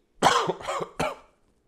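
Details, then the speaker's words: Paramedic skit, acted (simulated) cough in a man with sudden headache and trouble breathing: three harsh, forceful coughs in quick succession; irritant cough. "any chance you guys were doing the cinnamon challenge and accidentally inhaled a little bit and smashed your head on the countertop when you leaned over to cough your brains out"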